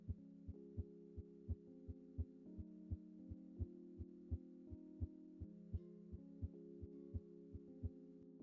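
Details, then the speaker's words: Regular, crisp paired heartbeats on a patient simulator with sustained background music, heard at the upper right (aortic area), with S1 from mitral closure; normal first and second heart sounds. "This is a graphic example of the left heart in a normal patient. In the animation that follows, we can appreciate that the first heart sound on the left side is associated with closure and tensing of the mital valve and the second heart sound on the left side is associated with closure and tensing of the"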